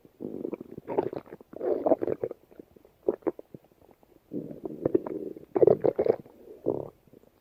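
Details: Female's stomach growling: bursts of low, bubbling gurgles and rumbles with brief pauses between, typical borborygmi.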